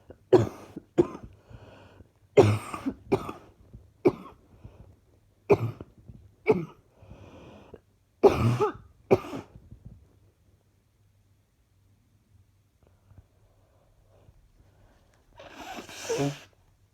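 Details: About ten short, harsh coughs in quick bursts over ten seconds, then quiet and a breathy sound, from a person feeling unwell with an ongoing cough; cough.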